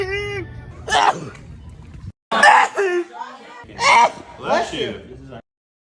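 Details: Sneezing compilation: a series of separate, sharp sneezes from different people, each preceded by a quick indrawn breath.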